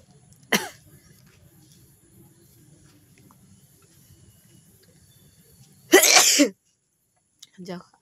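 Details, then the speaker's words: Sneezes deliberately induced with an object for a sneezing challenge, with watering eyes: a brief sharp sneeze, then a louder, longer burst with a short sound at the end. "আর আজকের challenge ভিডিওটি হচ্ছে সিঞ্জিং তাই চল আমি আজকে সিঞ্জিং করব"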